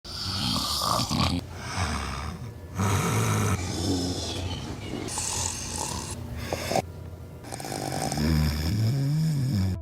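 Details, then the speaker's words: A husband snoring all night: loud, rough, rattling snores with each breath, noisy and irregular. "красавчик снова храпел всю ночь а на утро ты чувствуешь себя примерно так"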